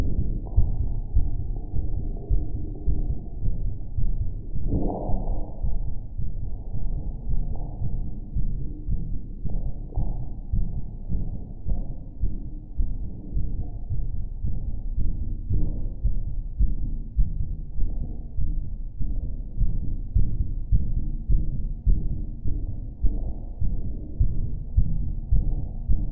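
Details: A strong heartbeat: deep, muffled thumps repeating at roughly 100 a minute against a low rumbling background.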